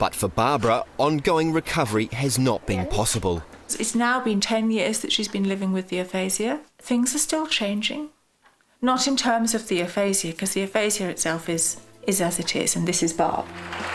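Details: Adult woman narrating; normal speech.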